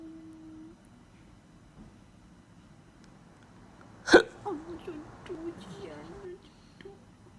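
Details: Overweight cat with hiccups, which the owner attributes to wind in the stomach: a single sharp, abrupt hiccup-like burst, then soft vocal sounds, in a quiet room; hiccup.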